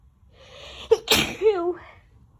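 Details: Adult during a sneezing fit: a rising voiced breath, a brief catch, then one forceful sneeze with a trailing voice.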